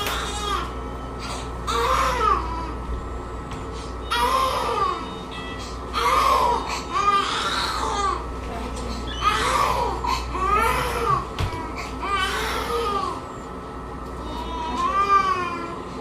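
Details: 4-month-old baby waking from general anesthesia after cleft lip repair surgery, at extubation: repeated rising and falling cries, strong but somewhat hoarse, over soft background music; infant cry on emergence from anesthesia.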